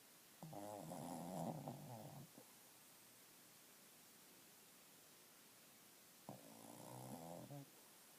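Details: Shih tzu dog snoring: two long, buzzing, fluttering breaths separated by quiet pauses, about eight a minute.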